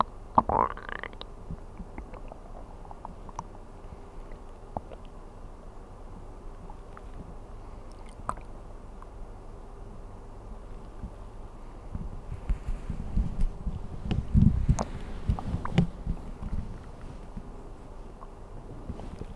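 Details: Stomach sounds recorded while sleeping on an empty stomach: occasional low gurgles and a louder rumbling burst over soft background hiss; normal hunger bowel sounds.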